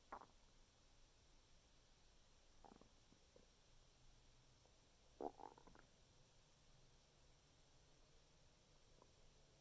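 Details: Stomach noises after eating six thin assortment cookies: quiet gurgles and short squeaky bursts against a faint steady room hum; ordinary digestive rumbling, borborygmi.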